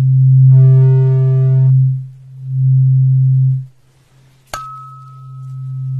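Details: Simulated hearing test tones in an ASMR doctor roleplay: a low steady hum from a struck tuning fork fading and returning, a brighter ringing tone, and a sharp strike.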